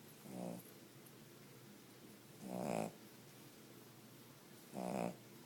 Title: Cavalier dog snoring like a pig